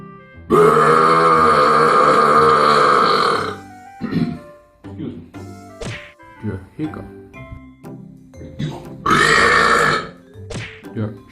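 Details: Burping: two loud, long, rumbling belches with shorter vocal sounds between them, over background music.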